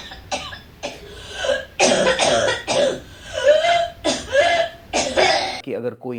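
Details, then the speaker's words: Audio example of a child's whooping cough (pertussis, 100-day cough): repeated harsh coughing bursts in quick runs with little pause; paroxysmal cough that can leave the child breathless or fainting. "इतना खांस रहा हो तो उसको सांस भी नहीं आएगा और वह बेहोश भी हो सकता है। यही होता था वूपिंग कफ में।"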